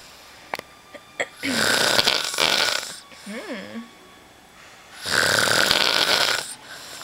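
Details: Drunk man snoring very loudly while two girls mess with him: loud, harsh, rasping snores on long in-breaths, with brief voices and room noise between; heavy snoring.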